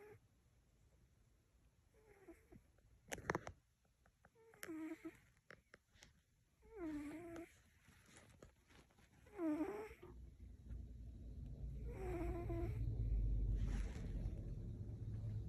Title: Cutest Cat Snoring 😴